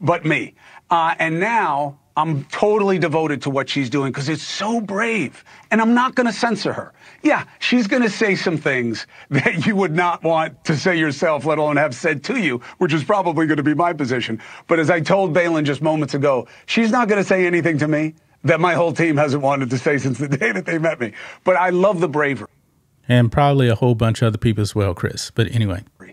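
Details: Adult man speaking; normal speech.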